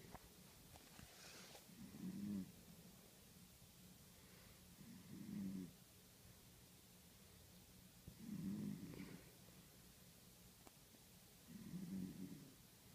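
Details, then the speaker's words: Female sleeper snoring strangely: soft, regular low snores about 19 a minute, each on breathing in, in a quiet room. "your snoring is really weird"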